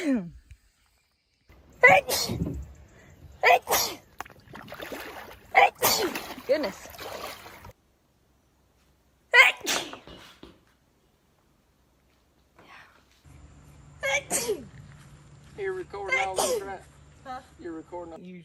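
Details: Sneezes from a sneeze compilation: several separate explosive sneezes from different people, with brief voices and a low background hum; ordinary sneezing.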